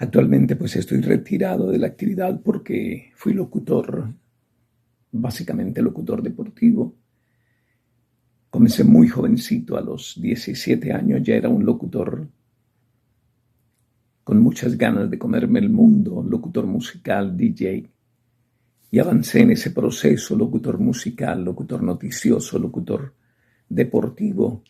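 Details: Adult male retired sports broadcaster with spasmodic dysphonia diagnosed in November 2018, described as spasms of the muscle moving the vocal cords, managed with botox injections; spasmodic dysphonia.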